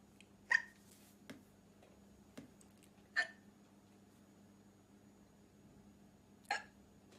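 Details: Young woman in a black dress: sudden brief gulping hiccup sounds, three louder ones and a few softer clicks, at irregular intervals in a quiet room: hiccups.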